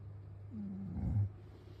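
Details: A single short, low, rumbling snort-like snore over a quiet background from a sleeping man who afterwards insists he was not asleep.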